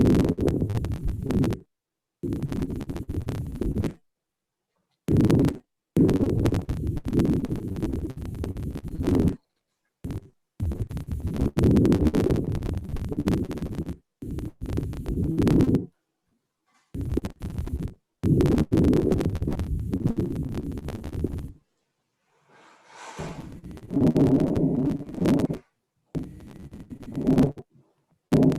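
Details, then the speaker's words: Simulated lung auscultation of a dyspnoeic female patient with regular rhythm and no murmur: repeated breath cycles with crackles bilaterally at both lung bases, consistent with pulmonary congestion. "Marilza, o que você achou dessa ausculta pulmonar? a presença de crepitantes bilateralmente nas bases dos hemitórax?"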